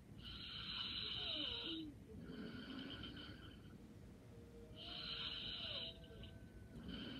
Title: Light snoring and sleeping soundly😴